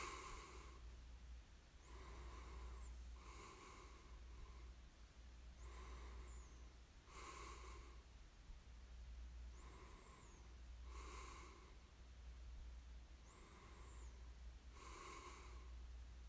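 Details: Slow, rhythmic breathing with soft rasping snores on the in-breaths over a steady low hum of room noise; snoring during sleep.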